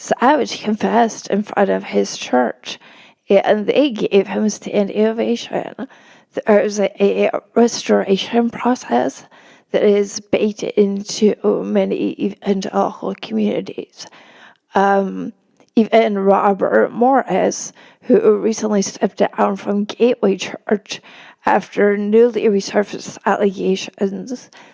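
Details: Woman with spasmodic dysphonia, which she notes can make her sound nervous though she is not, speaking as a podcast guest; spasmodic dysphonia.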